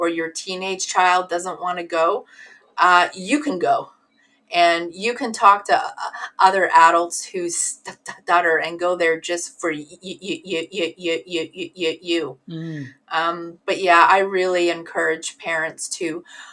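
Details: Adult woman with stuttering, assessed as severe in her teens and part of the stuttering community for over twenty years; sound and word repetitions heard; stuttering (whole-word repetition).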